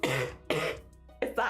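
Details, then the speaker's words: Deliberate, voluntary honking cough from an adult woman: two or three short, voiced bursts, like the lingering cough after a cold; she says she didn't really need to cough then and dislikes how it sounds when it hits. "I didn't really need to cough then though is the thing. Um, but when it does hit, it's just like, no, I don't want to sound like that."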